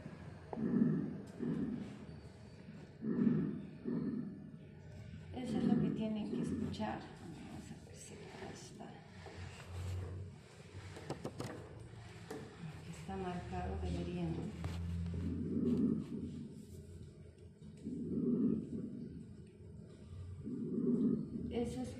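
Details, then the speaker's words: Lung auscultation teaching recording: soft, low rustling breath sounds rising and falling about 24 times a minute, described as murmullo vesicular, not audible everywhere; normal vesicular breath sounds. "Eso es un murmullo vesicular, ¿no? Acá no se puede escuchar en todo lado porque es un poquito difícil, ¿ve?"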